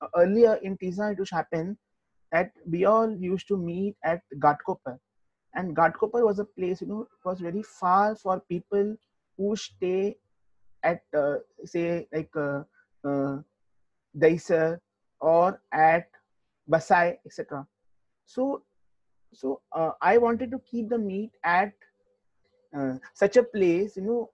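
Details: Adult man who stammers, speaking in an interview; stuttering.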